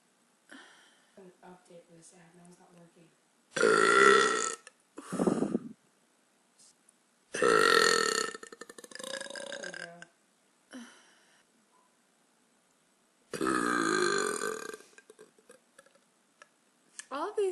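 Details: Adult woman burping: three long, loud, voiced belches between brief quiet speech; burping.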